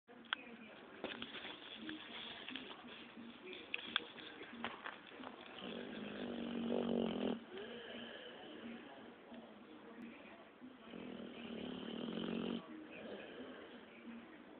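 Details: Sleeping Pitbull dog: soft rasping breath noises, louder on two long breaths; snoring.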